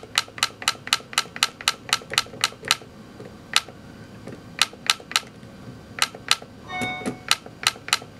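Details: Rapid sharp clicks and snaps in bursts, about four per second at times: Ellex Ultra Q Reflex YAG laser pulses breaking up and vaporizing a Weiss ring vitreous floater during vitreolysis in a phakic eye.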